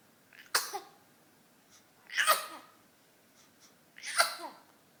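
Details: Sneezing from a baby, aged 1 month 26 days, during morning exercise: three short, sharp nasal sneezes about two seconds apart.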